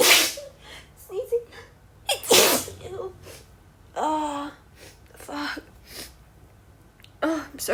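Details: Staged re-enactment of a female speaker warning she'll sneeze, then an uncontrollable sneezing fit: repeated sneezes in a row with voiced catches of breath and short sounds between; repetitive sneezing.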